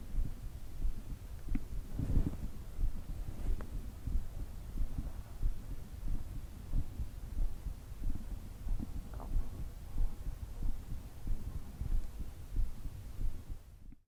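Steady low thumping heartbeat, about 90 beats a minute, with a faint hum underneath; a normal heart rhythm.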